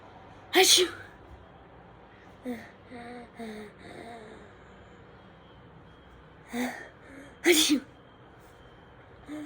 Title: How different people sneeze